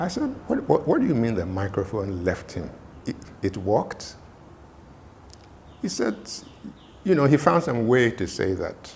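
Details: Adult male speaker; stammering.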